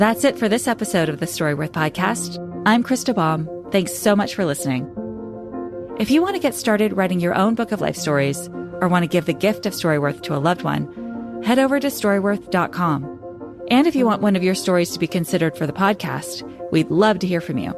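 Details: Adult woman speaking; normal speech.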